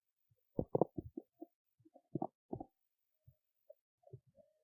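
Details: Belly sounds after a skipped lunch, with hunger: soft, irregular gurgling and bubbling bursts with quiet gaps. Hunger-related bowel sounds (borborygmi), a normal finding.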